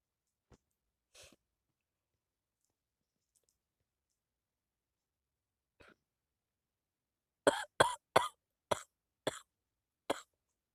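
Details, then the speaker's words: A person with a cold gives a few faint sounds, then a run of six sharp, loud coughs in about three seconds. Cough with a cold. "But as you can tell in my voice that I can't even like talk because I'm getting a bad cough. It's not bad, but it's just a cough."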